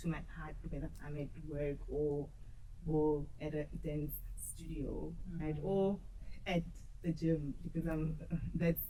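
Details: Adult woman who stutters, audibly in her speech, and who says she used to struggle a lot with stuttering. Finding: stuttering.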